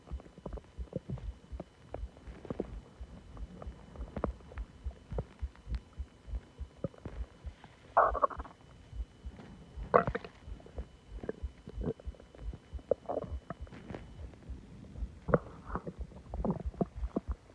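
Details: Loud stomach growling after eating a lot and drinking soda; frequent gurgling and groaning bowel sounds with loud rumbling bursts. Borborygmi.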